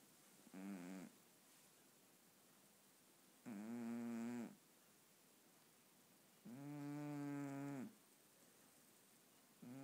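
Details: Snoring in a sleeping cat: soft, tonal, purring-like snores on the in-breath, about three in ten seconds, over quiet room noise.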